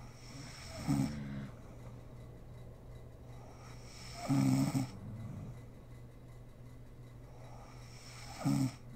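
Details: A mother snoring while asleep, with three short buzzing snores spaced a few seconds apart over a steady low room hum; sleep snoring.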